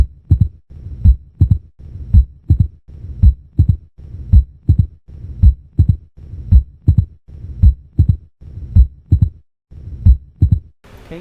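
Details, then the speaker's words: Mitral stenosis opening snap heard with the diaphragm just medial to the apex and along the lower left sternal border: regular heartbeat near 55 a minute with a crisp, high-pitched extra sound just after the second sound. "so if ploud the OS can rotate to the Apex and to the pulmonic area is heard better with the diap so it's a high pitch sound opening sound sounds"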